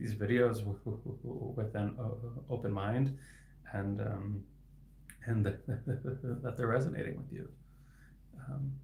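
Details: Adult man who stutters and is a licensed speech-language pathologist; his stuttering is inconsistent, with words sometimes stuck for seconds; sound repetitions heard; finding: stuttering.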